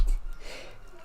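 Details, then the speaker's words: Adult streamer announces an impending sneeze: a single abrupt, muffled sneeze burst fading quickly into quiet room noise, followed by remarks about blocking the nose. "Oh, that sounded bad. Oh, it's better. Block my nose."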